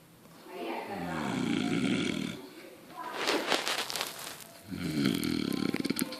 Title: Snoring jag style